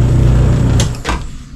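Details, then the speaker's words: Oxygen flow into a non-rebreather mask reservoir bag in a respiratory training demonstration: loud low rushing of gas, then a couple of soft hisses as it eases off. "I'll turn the air on, but I won't keep it on uh because it's kind of loud. So, I'm going to turn this on. You would want to go 10 to 15 L."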